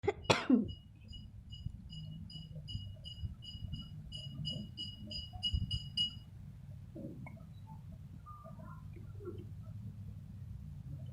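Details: One sharp cough, then quiet room sounds with repeated electronic beeping, recorded while eating lime (jeruk nipis) with a child as a cough remedy.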